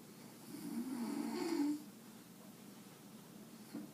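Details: Grandmother snoring while resting in the afternoon: one rough, rattling in-breath snore about a second long, then quiet breathing and the faint start of another; her sleeping Jack Russell dog is woken by it.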